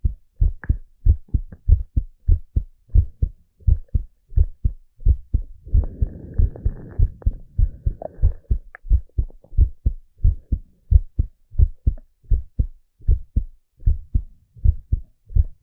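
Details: Steady low thumping male heartbeat at about 90 beats a minute, with a faint rustle partway through; relaxing heartbeat recording.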